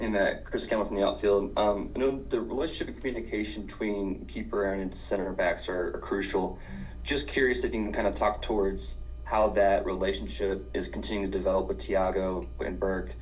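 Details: Adult male; normal voice.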